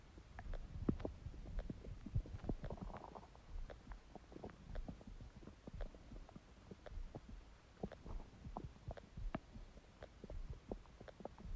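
Irregular low gurgling and rumbling with scattered pops and squelches; ordinary stomach growling from an empty stomach.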